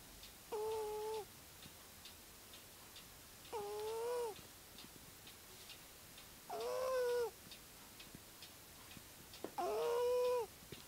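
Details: Sleeping female cat snoring.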